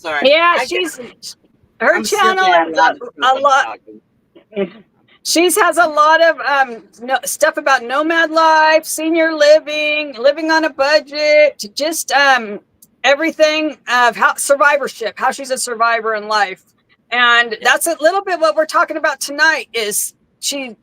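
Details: Adult woman with aphasia after her second stroke, with no paralysis; repetitions and word-finding difficulty are heard.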